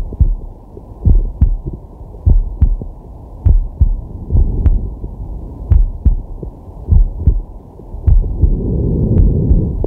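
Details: Heartbeat ASMR recorded with a digital stethoscope on a resting man's chest: steady lub-dub at about 50 a minute with deep inhales and exhales; normal heart sounds.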